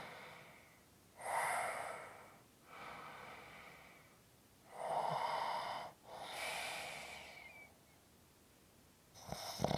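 Slow, rhythmic rasping breath noises with long gaps between them, a harsh buzzy quality on each cycle, typical of snoring.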